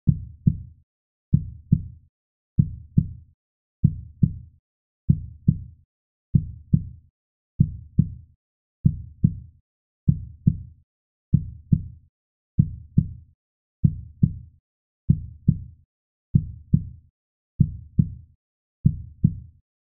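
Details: Normal heartbeat, sound effect: steady, regular lub-dub at about 48 beats a minute with no extra sounds.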